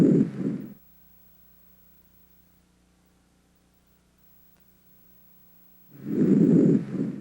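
Soft rustling breath sounds through a stethoscope over the front of the chest, separated by a long pause; normal.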